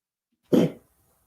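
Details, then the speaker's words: Harsh, honking cough from a 6-month-old puppy, starting at 4 a.m. and continuing for 3 hours, sounding like an old man; owner suspects kennel cough after searching online. "No, I've got a 6-month-old puppy that starts doing this. This isn't even the old dog. Oh no, it sounds like an old man. 3 hours that went on continuously. So I Google it, and it's kennel cough."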